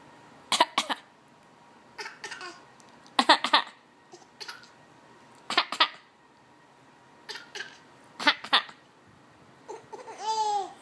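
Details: A young child gives repeated short, dry coughs in small clusters, ending with a brief voiced sound.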